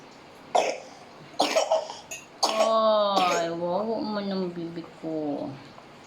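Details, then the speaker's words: Baby boy with viral cough and cold, seen by a pediatrician: a few short coughs followed by fussy crying; cough from a viral cold. "another day another pungut day because I have cough and cold and also fever yes look at me guys I am not feeling well"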